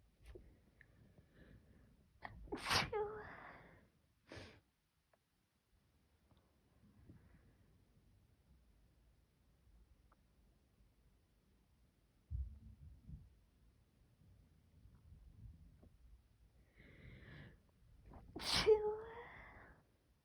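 Two sharp sneezes about sixteen seconds apart in a quiet room, with faint sniffs between.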